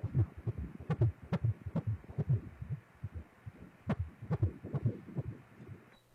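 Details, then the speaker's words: Fetal heartbeat heard on obstetric ultrasound with Doppler: fast, regular whooshing beats, measured at about 150 beats per minute, described as normal; a normal fetal heart rate. "Donc, on a un cœur qui bat superbement bien. Donc, ça, c'est très, très beau."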